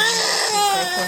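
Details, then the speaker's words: Newborn girl, firstborn, crying minutes after vaginal delivery under epidural: a steady, strong, high-pitched wail as parents soothe her. "It's okay, baby. Sing for your mama. Sing for your mama. She's good."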